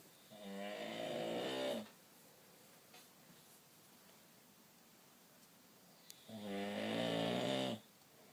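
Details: An adult man (a dad) snoring in sleep: two long, rattling snores on breaths in, separated by a quiet pause of about four seconds.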